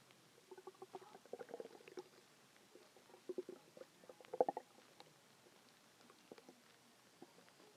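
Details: Bursts of gurgling, bubbly rumbles and clicks from the belly, recorded as a big one was felt coming: loud hungry stomach growling (borborygmi).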